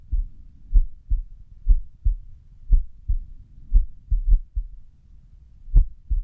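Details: Resting heart sounds with an irregular rhythm, recorded at rest: low thumps, steady beats, then a quick cluster and a long pause; arrhythmia.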